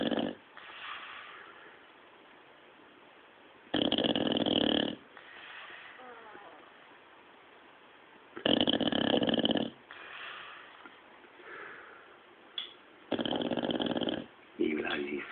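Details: Sleeping bulldog whose owner has never heard anything like it: loud, harsh rattling snores every few seconds with quieter breaths between; snoring.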